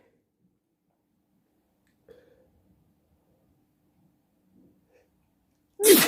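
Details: Near silence at night, then one loud, sudden sneeze: a single ordinary sneeze.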